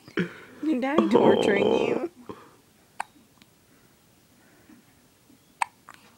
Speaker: Baby hiccups are so cute. Poor baby.